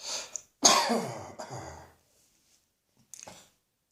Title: Cross Dressing Coughing 97